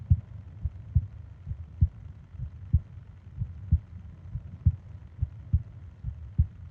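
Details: Japanese 20-minute ASMR sleep recording of heartbeat and breathing sounds: steady low thumping at about 70 a minute with a faint hum behind it; normal heartbeat.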